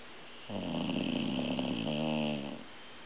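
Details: Old female pit bull, a shelter rescue, asleep: a single long snore of about two seconds, fluttering and rattling and then turning to a smoother buzz. Dog snoring.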